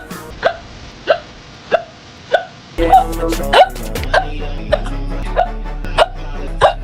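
Sharp, brief voiced catches repeat about every 0.6 seconds, roughly 95 a minute, with music joining partway through: a run of hiccups.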